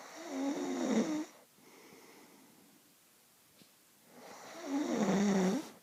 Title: Hubby Snoring.. Ssshhhhh